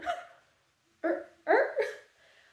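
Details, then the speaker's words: Tourette syndrome vocal tic attack during a plane ride back from Athens, likely stress-triggered: several abrupt, hiccup-like involuntary vocal bursts separated by a pause. "on the plane ride back I did have a tick attack and that is something you just don't see"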